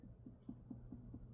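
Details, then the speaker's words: Six quick, evenly spaced soft taps of firm-finger percussion over the abdomen, demonstrated in teaching, with low room hum. The percussion note changes depending on whether it is over solid or air-filled areas; abdominal percussion sounds. "a little different here. Those sound those sounds change based on uh whether we're over like a solid"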